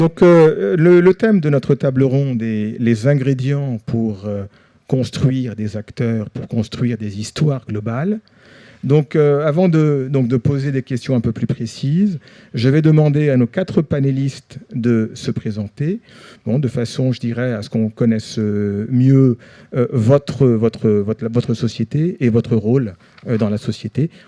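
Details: Adult male speaker; Normal voice.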